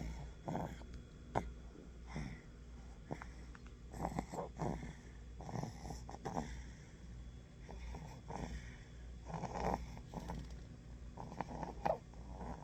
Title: Fluttery Snore